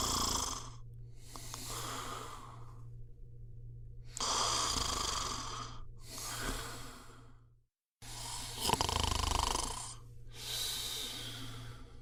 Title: صوت شخير Snoring sound